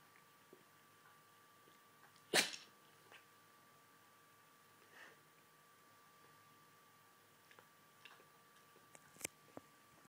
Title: Funny Sneezing dog GOT TO WATCH!!!!!!!!